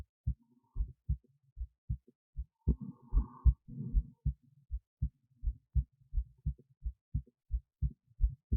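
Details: Own heartbeat recorded with an esophageal stethoscope resting in the esophagus near the heart, alongside EKG: clear paired heart sounds, about 70–80 beats a minute, with brief rustling midway. Normal heart sounds.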